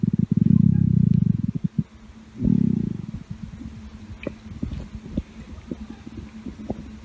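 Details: Two deep, drawn-out growling rumbles, then low gurgles and soft pops: normal stomach growling (borborygmi) from gas and fluid moving through the gut.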